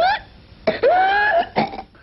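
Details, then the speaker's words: Whooping cough (pertussis) as heard in older children: harsh paroxysmal cough bursts followed by a big, long, high-pitched crowing breath in, the characteristic inspiratory whoop. "older kids will have the characteristic whoop where the disease gets it its name where they cough so hard and then they take a big breath in uh which is the whoop of the whooping"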